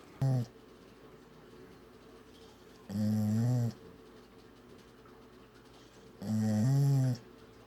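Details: Snoring from a sleeping female dog: low, droning, tonal snores, one every three seconds or so, with quiet pauses between.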